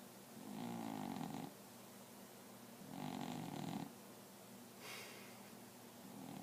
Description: Our cat is snoring from time to time....